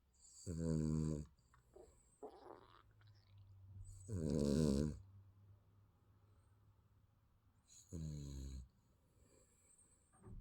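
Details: Infant snoring during sleep: three soft, buzzing snores a few seconds apart in a quiet room.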